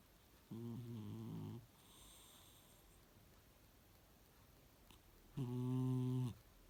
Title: Cat snoring 💤 soo süß 💗💗💗